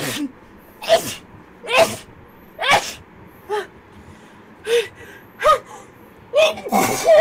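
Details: Girl gives a rapid run of about nine short, sharp voiced sneezes, roughly one per second; repeated sneezing.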